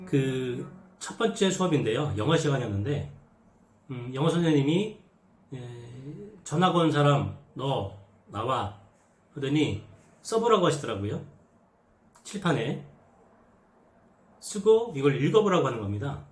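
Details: Adult man who stutters and has social avoidance because of it, who says he no longer has these experiences now: stuttering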